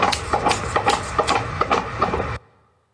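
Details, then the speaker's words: Fetal heartbeat of a pregnant couple's baby: fast, regular whooshing heartbeat in the womb, about 150 beats a minute. "심장이 뛰기 시작할 때 이 심장 뛰는 소리를 에 잠깐 한번 들어보도록 하겠습니다"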